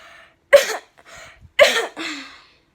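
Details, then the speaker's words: Child's cough recorded at the doctor's: two harsh, forceful single coughs, each followed by a short breath in. "enjoy and listen in to the deafening sound of my cough what a madness banging off like this"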